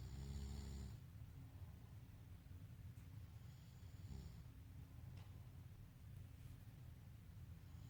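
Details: Adult man snoring while asleep at night, recorded in 2019: a deep, rumbling snore at the start, then softer, noisy breathing sounds during sleep.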